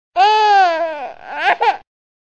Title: Bebé Llorando (Efecto de Sonido) Baby Crying Sound Effect